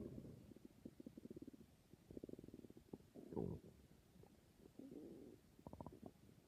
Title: My stomach growling